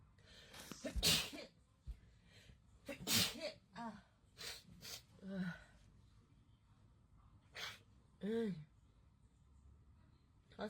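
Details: Reflex sneeze set off by a COVID-19 nasal swab test, in a compilation of girls being swabbed: a quick intake, then a sharp sneeze burst amid muffled voices.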